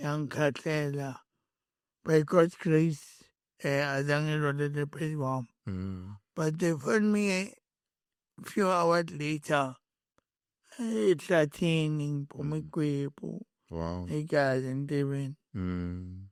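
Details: Adult male born with cerebral palsy, later with a head injury from a June 2000 car accident affecting speech, walking and left-ear hearing; dysarthria.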